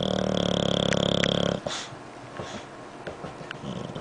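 A dog's loud, rapid, rattling snore for about a second and a half, then quieter snuffling breaths; snoring.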